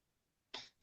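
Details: Adult English teacher who says she is unwell with a cough today, mid-lesson: a single short, sharp cough burst in a quiet room.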